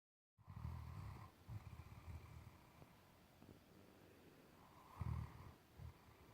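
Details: Great Dane asleep and snoring: soft, low snorting breaths over a hissing background.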